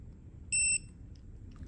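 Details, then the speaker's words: Veterinary mainstream end-tidal CO2 capnography sensor switched on via blue power button: a single high electronic beep about a quarter second long; power-on beep. "Now we're going to turn the adapter on, pushing the on button, which is a little blue on symbol."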